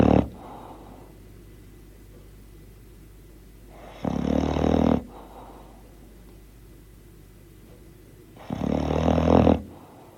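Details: Bulldog snoring: two loud, rough snoring bursts about four seconds apart, each roughly a second long, with quiet breathing between.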